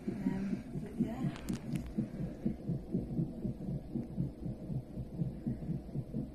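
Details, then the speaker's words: Rapid, regular whooshing fetal heartbeat, about 120–130 a minute, on a monitor during early labour; the baby's heartbeat and movements were checked for 20 minutes because of the waters, and were reported fine. "So we're now currently having baby's heartbeat checked and movements as well, aren't we?"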